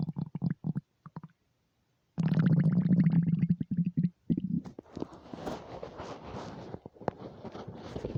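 Bursts of low gurgling and bubbling rumbles, some sustained, others crackly; empty-stomach rumbling, a normal digestive sound.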